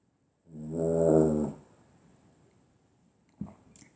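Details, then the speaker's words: A single loud, rattling snore about a second long from a small sleeping Yorkshire terrier, followed by near silence and a faint click. "se omlouvám jestli tady uslyšíte nějaký chrápání vedle mě je taky pejsek taky Betynka"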